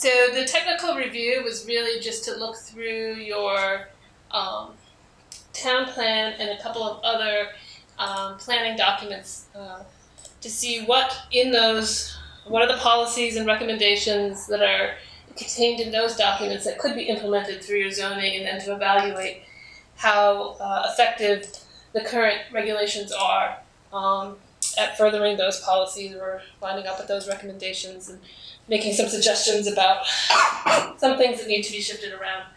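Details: Adult woman speaking; normal speech.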